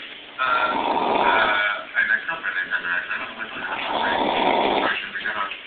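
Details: Sleeping adult: two long, loud, rough snores on slow breaths with a rumbling, throaty quality, muffled recording; snoring.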